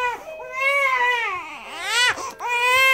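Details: Crying from a 1-month-old baby during tummy time: loud, sustained infant crying in rising and falling wails with brief catches of breath.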